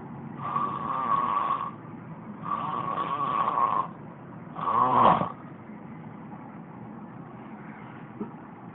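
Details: Turtle snoring: three loud, rasping, drawn-out snoring sounds with a whistling tone, the last one sharper and shorter, then quiet breathing.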